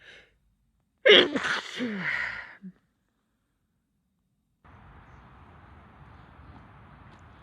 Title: late summer compilation of (f) sneezing